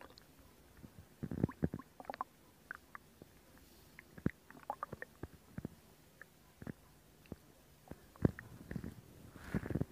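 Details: ASMR belly recording: soft, irregular gurgles, squelches and low rumbles with quiet gaps between them; ordinary stomach growling (borborygmi), or bowel sounds.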